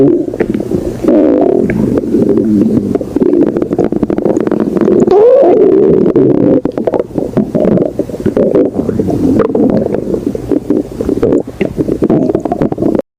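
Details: A hungry person's stomach growling: a long, loud, continuous gurgling rumble with rising and falling pitch; ordinary borborygmi.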